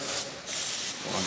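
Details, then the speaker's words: Steady hissing bursts of antiseptic aerosol spray applied to an open, disinfected hoof wound on a heifer's foot, lame about a week and a half, after trimming drained a deep pus-filled cavity. "uh so then clean it off so it's nice and clean now and then we've got first step is antiseptic spray"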